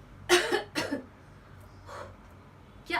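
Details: Physiotherapist demonstrating a cough technique to clear chest mucus after COVID or other lung infection: two quick acted coughs, then a softer one and the start of another.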